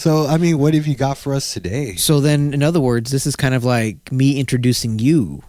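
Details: Adult male speaker; normal speech.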